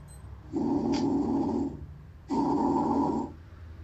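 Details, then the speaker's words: Bronchial breath sounds over the trachea, heard with the stethoscope bell on the anterior chest: loud, hollow, blowing breath sounds. "Aquí comenzaremos con la oscultación de los ruidos bronquiales, que se escucharán más o menos así."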